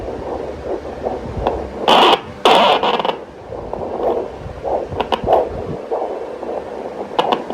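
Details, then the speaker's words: Twin pregnancy in the fifth month, with fundal height above the umbilicus. Doppler picks up two separate fetal heart sounds at two different sites on the abdomen. Twin fetal heart sounds. "अब हम सुनते हैं FS पीटल heart sound पीटल heart sound भी इसमें दो सुनाई देंगी"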